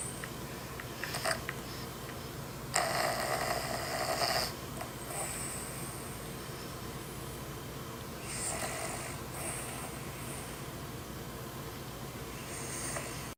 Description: Owner Plays Video of His Dog's Snoring to His Dog